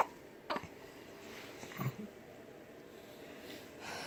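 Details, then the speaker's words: Baby's hiccups: a few brief, quiet catching sounds at irregular gaps in a quiet room. "You got the hiccups?"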